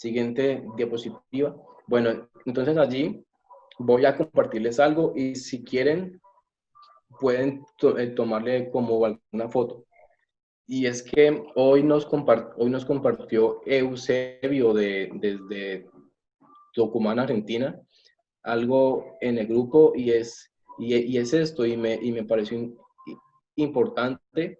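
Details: Adult man who says he is a person who stutters, giving a Spanish-language presentation; stuttering.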